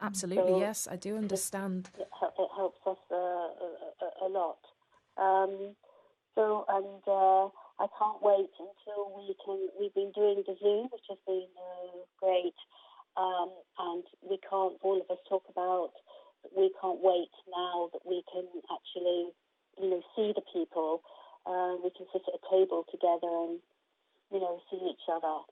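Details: Aphasia in an adult woman after a stroke in 2019; her main difficulty is processing what she hears rather than producing words, and she could not speak at all at first.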